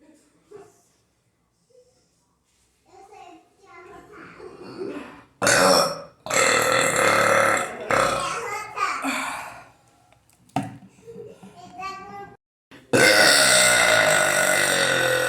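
Several loud, long, rumbling burps between quieter voices and drinking sounds; repeated belching.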